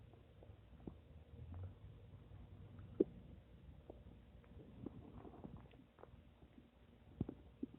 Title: My Stomach making noise 8